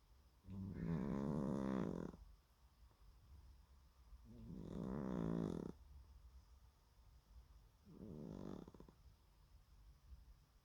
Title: Just let me sleep hooman (loud snoring cat) :D #shorts